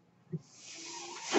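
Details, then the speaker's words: The speaker's own mechanical ventilator, audible while he talks on a podcast: a soft click, then a steadily building airy hiss with a faint low hum as it delivers a breath; mechanical ventilator breath cycle. "hello everyone my name is we're that noise you're hearing is my ventilator"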